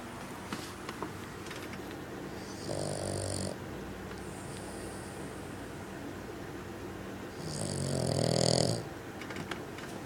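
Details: Bugg dog snoring loudly while asleep: low rumbling snores with a whistling edge, recurring every few seconds over steady room noise.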